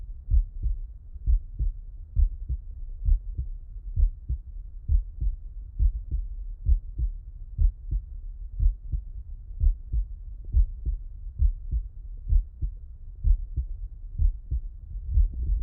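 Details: Heart auscultation with the person lying on the left side: steady lub-dub heartbeat at about 65 beats a minute, regular rhythm; normal heart sounds.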